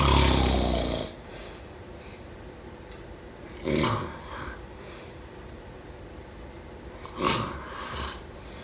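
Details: Snoring.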